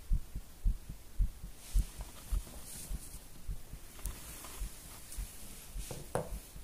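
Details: Forceful rapid heartbeat after coffee and nicotine: strong, regular low thumps at about 110 a minute over a faint hum.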